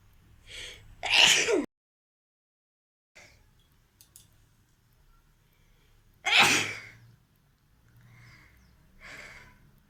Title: Sneezing challenge and nose blowing 🤧Request video 🤝